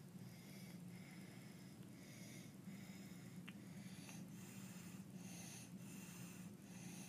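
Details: Inspiratory stridor (croup).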